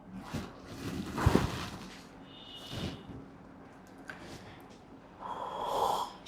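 Acted snoring: a few rough, snorting breath noises during pretend sleep, with faint room noise between them.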